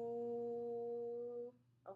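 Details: Clinician (SLP graduate student) deliberately demonstrating the move up from vocal fry into the modal register on an 'oo' sound, the second step of a technique used when there is a mass on the vocal folds; modal voice.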